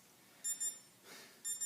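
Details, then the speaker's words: Fingertip pulse oximeter with an alarm during an SpO2 demonstration, reading 95% and heart rate 50 as the patient takes big breaths: two short high-pitched electronic beeps, a pause, then another beep; pulse oximeter beep. "and this one has an alarm and I'm just going to just show the camera it's showing me right now 95 and a heart rate of 50"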